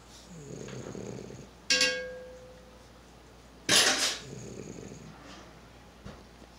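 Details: A pug snoring while asleep: loud, rough, snorting snores with noisy breathing between them, about two breaths heard.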